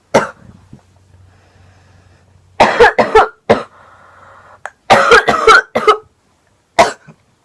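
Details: About eight loose coughs in short bursts of two and three, with quiet breaths between, from a girl with a lingering cold while smoking; cough.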